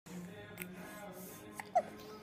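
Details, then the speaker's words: Two-month-old baby boy with hiccups: soft, short catches, then one sharper hic in a quiet room. "got the hiccups. Little man got the hiccups. Got the hiccups?"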